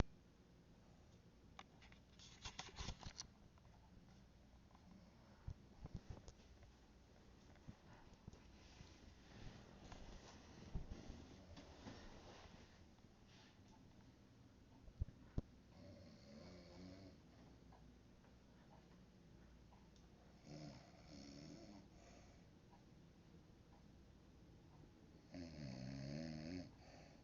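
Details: Low rattling inspiratory snoring from a sleeping adult woman (mom) at 3 am in a quiet room, growing louder toward the end.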